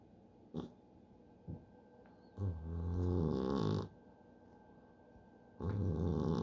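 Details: A sleeping cat in deep sleep gives a long, rattling, low-pitched snore on the in-breath, with another starting as the clip ends; snoring.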